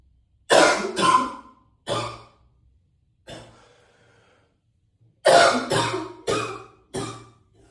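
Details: About eight heavy, harsh coughs in two bursts with a pause between, echoing in a small tiled bathroom.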